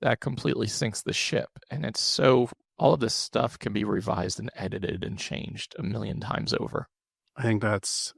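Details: Adult man with one vocal cord paralysed after open throat surgery for a rare, chronic, recurring throat condition (endoscopic surgery in 2021, recurred within 4 months); voice improved but still fatigues daily, with vocal fry; unilateral vocal fold paralysis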